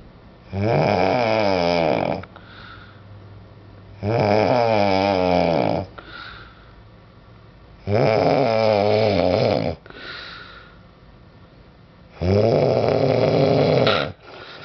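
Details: Heavy snoring: loud, rattling inhaled snores about every four seconds, roughly 15 a minute, each followed by a softer breath out.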